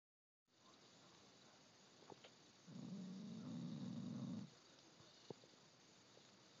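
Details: A single low, buzzing snore of about two seconds over quiet room noise, with a few faint clicks; light snoring from a pet dog described as a very loud snorer.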